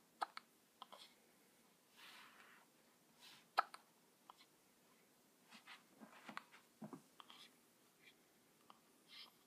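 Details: Hiccups: repeated brief sharp clicks and small gulping sounds at irregular intervals in a quiet room.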